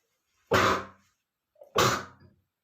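Two forceful sneezes about a second apart, each a sharp explosive burst fading quickly, the second preceded by a short inward breath.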